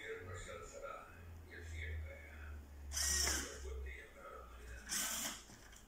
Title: Prototype: a low‐cost, open-source ventilator for patients with COVID‐19